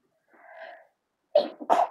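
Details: Sneeze induced with chhinkni sneezing powder: a soft drawn-in breath, then a quick, fairly muffled double burst of sneezing in a quiet room.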